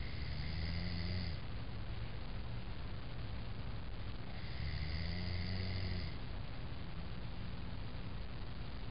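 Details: Man snoring during sleep: deep, low, rumbling snores about every four seconds over constant background noise.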